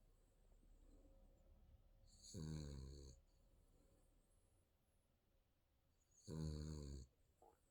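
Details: Sleeping baby snoring: two soft, low, rattling snores on the in-breath in a quiet room.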